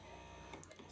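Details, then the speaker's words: Bellababy electric breast pump, comparing the mini and original models, with a steady motor hum and faint whine. "when it's on the table it makes a louder whining noise rather this one i'm trying to turn it on it's kind of loud too but it's not as loud even on the table"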